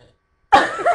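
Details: After a short silence, a single loud, voiced, throaty burp lasting about half a second, during a burping contest after drinking Pepsi and Brisk.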